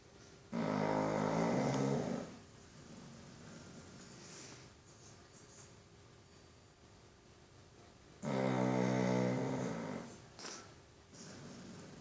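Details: Sleeping Chow Chow dog giving two loud, rough, rattling snores on breathing in, with quiet breaths between; dog snoring.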